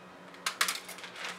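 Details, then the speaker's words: Two sharp metallic clicks and faint rattling against a low room hum as a pair of forceps from a nursing student's skills pack is clicked together; forceps clicking. "then we have just a pair of forceps click together kind of you know forceps"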